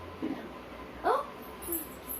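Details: Children pretending to have hiccups during play: a single hic-like vocal catch from a child; imitation hiccups, not true hiccups.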